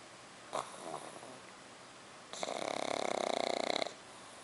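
A short snort, then a loud rattling inhaled snore with rapid fluttering vibration, typical of snoring in a flat-faced puppy.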